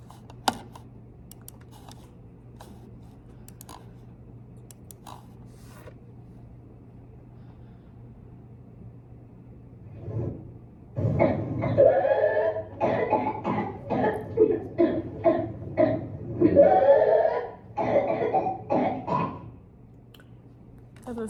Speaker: And behind me, I'm going to play a video of what the whooping cough sounds like and a kid, a little boy.